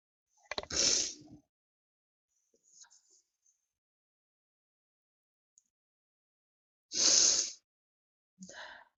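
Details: Woman in a prolonged sneezing fit: two sharp sneeze bursts several seconds apart with faint breaths between.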